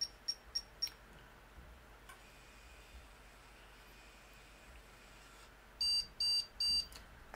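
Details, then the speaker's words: Soft clicks over faint room noise, then three clear high beeps from a Medtronic 630G insulin pump during a site change, signalling the plunger has reached the reservoir end and is ready to deliver insulin. "it beats three times and so the plunger is at the end of the reservoir and is ready to administer insulin"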